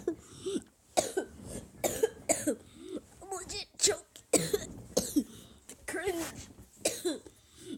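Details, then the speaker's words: Coughing from a young person sick over winter break, having a bad day: several short, harsh cough bursts mixed with voice sounds and throat clearing. "I'm I'm really sorry about the coughing guys is just that I really am having a bad day here"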